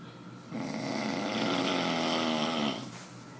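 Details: Person asleep snoring: one long, loud, rattling snore on a breath in, lasting about two seconds, over quiet room noise.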